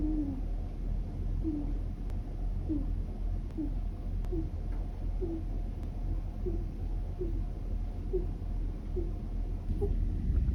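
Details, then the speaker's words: Sleeping pet rabbit's very quiet snoring or sleep-talking: soft, regular, squeaky hoots, about one per breath, over low room hum. "ももちゃんのいびきなんとふふ音がすると思ったらももちゃんのいびき寝言だったすっごく小さい声なので音を最大にして聞いてみて"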